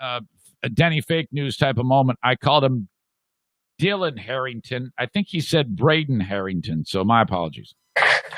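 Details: Adult man; no speech disorder.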